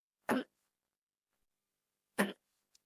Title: Pencil's Hiccups in kindergarten class but Pencil has her AI voice